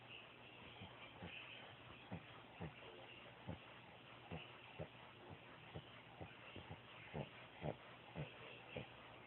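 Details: Short, irregular snuffling snorts from Hercules, a pet sleeping on the bed, over a steady background hum; snoring.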